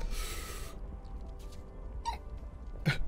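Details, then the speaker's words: Odd hiccups in a person who has just eaten extremely hot Carolina Reaper-infused corn chips live on stream; the person has never made that noise before. "there's the hiccups foreign I've never made that noise before what is this what is that noise"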